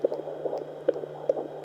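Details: Rapid regular swishing pulses over a steady hum, about 140–150 a minute, found with difficulty by home Doppler at 20 weeks of pregnancy while the baby kicked; fetal heartbeat.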